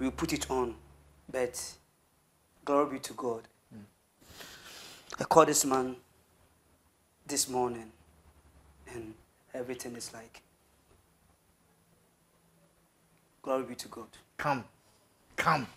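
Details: Adult man who has stammered since birth, with a family history of stammering (grandfather and relatives); describes it as severe, worse on words starting with K or T, and fluent when rapping; stuttering.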